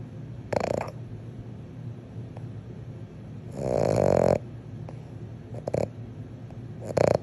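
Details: Frenchton (French Bulldog–Boston Terrier mix), a short-nosed dog, snoring while asleep with eyes wide open: rough, rattling snores, loud on each in-breath with quieter snorts between.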